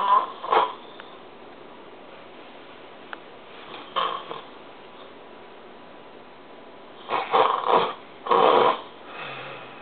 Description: deep in a snoring sleep